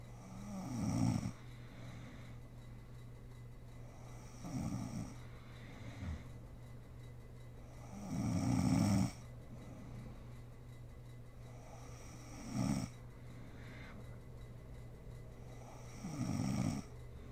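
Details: Adult woman (mom) snoring while asleep: loud, rough snores on each in-breath, about 16 a minute, over a steady low room hum; ordinary snoring during sleep.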